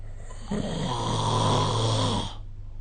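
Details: Sleep snoring recorded with the SnoreLab phone app: one loud, rough, rattling breath in lasting nearly two seconds, amid snorts and a moan; heavy snoring.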